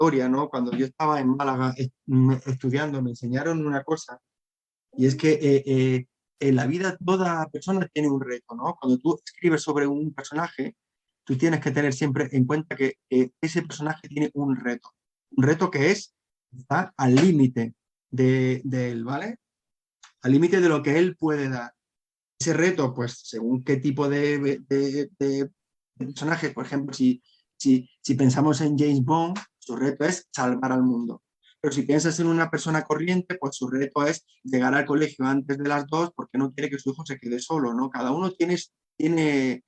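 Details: Adult man who has stuttered since childhood and struggled to hide it through adolescence, now a storyteller and a member of a stuttering foundation; stuttering.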